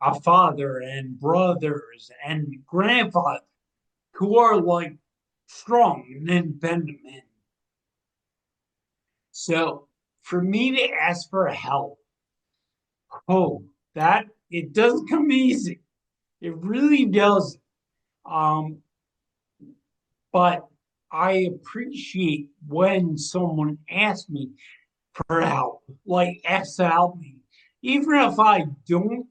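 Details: Ataxic dysarthria in a 45-year-old man with degenerative ataxia from cerebral atrophy, diagnosed around 2013–2014; it affects his movement, balance and speech, and his speech began changing around 2020 as the disease progressed.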